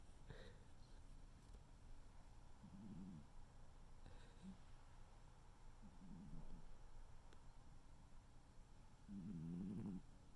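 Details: Snoring from a sleeping tuxedo cat: soft, low rumbling snores, about four breaths in ten seconds over quiet room noise.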